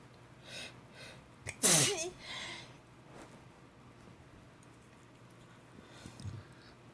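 A short in-breath, then one loud, sharp sneeze, followed by quiet breathing and sniffs in a small room.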